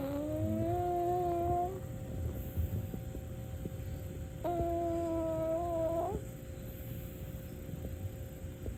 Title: 🐈 snore 20221214